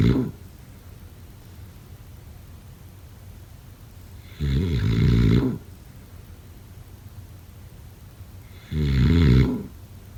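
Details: Snoring.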